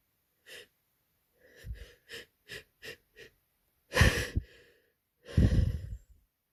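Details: Short sniffs and catching inward breaths building to two forceful, wet sneezes, from a person with a cold, caught as fall started and lasting two days; messy sick sneezing.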